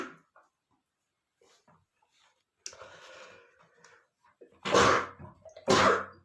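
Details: Adult male sneezing attack after smelling dust under the bed: faint sniffs and breaths build to two loud, explosive sneezes about a second apart in a quiet room.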